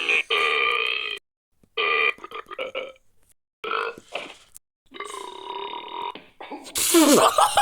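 Several separate drawn-out, voiced belching sounds with pauses between them, ending in a louder squeaky noise. These are animation sound effects.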